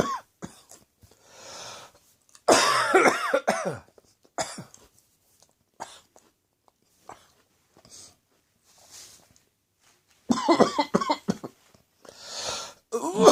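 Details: Adult choking and coughing after spicy Indian takeaway curry, eaten after an evening of beer, irritated the back of the throat: harsh, irregular coughs and strained, choking throat-clearing.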